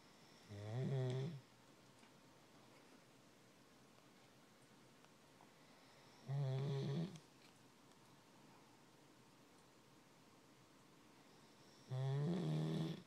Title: Snoring Doberman